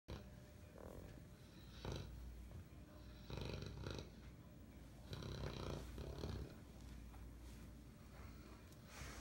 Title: Big boy bath n snore